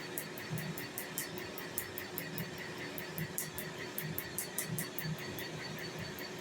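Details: Laser tattoo removal (Nd:YAG) on a man's tattoo, partial lightening for a cover-up: rapid, irregular snapping clicks over a steady hum as the laser pulses fire; laser snow (steam) seen under the skin afterward.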